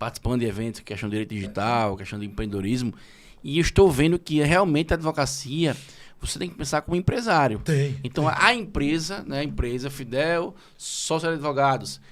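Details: Adult man speaking Portuguese; Normal speech.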